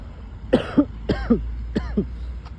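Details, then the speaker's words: Adult complaining of a persistent empty cough with nothing coming up: three short, dry two-part coughs with no rattle or mucus, an unproductive dry cough. "кашель задолбал просто вот пустой кашель вот ничего вот просто В тупую пустой кашель"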